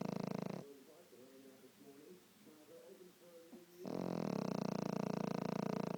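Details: Dog asleep with one eye open: loud vibrating snore on the breaths, with faint whimpering sounds in the quiet gap between; dog snoring.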